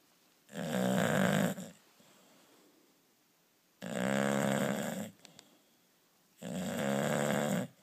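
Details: Sleeper snoring: three loud, buzzing snores with quiet pauses between, about 20 a minute, in a small quiet room.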